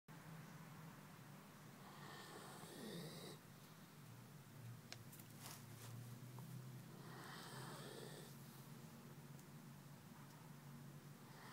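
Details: Soft, low, rattling breaths with rough snore sounds on two breaths about five seconds apart, over steady room noise; snoring.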